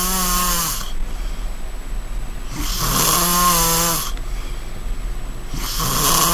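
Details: Loud, close snoring from a sleeping person, with buzzy rattling and airy breaths, a snore roughly every 2.5 seconds; heavy snoring.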